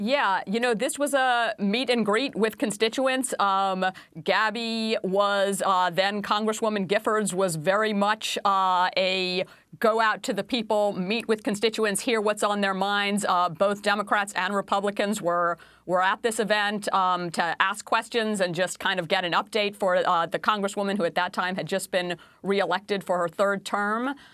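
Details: Adult woman speaking; normal speech.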